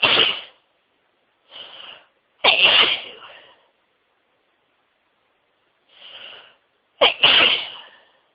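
Several loud sneezes, some with a brief in-breath build-up and one stifled, coming in quick succession: a sneezing fit.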